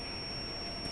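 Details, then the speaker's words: Steady high-pitched electronic tone of a defibrillator charging from the device during a routine 30-joule self-test. "lalu bisa charge-nya dari sini 20 30 ya oke bisa charge-nya dari alat kita coba dari alat ya"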